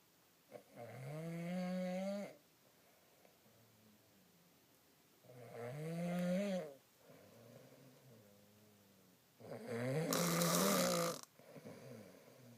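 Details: An adult man (husband) snoring: three loud, rough, drawn-out snores at about 14 a minute with quieter breathing between, the last harsh and rattling.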